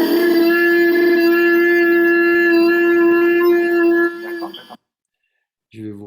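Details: Laryngeal paralysis: the paralysed fold is at a different tension and cannot reach the midline to contact the opposite fold, so the folds cannot couple; voice shifts into bitonality, with two frequencies heard at once; diplophonia.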